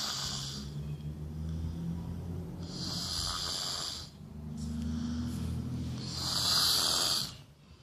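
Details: Sleeping sister: three long, hissing, raspy breath sounds with a low rumbling flutter, consistent with snoring; noisy recording.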